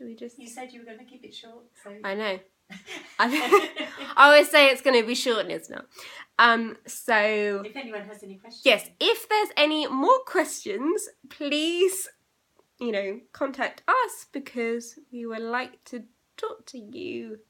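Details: Young woman with aphasia eight years after a stroke at age 18.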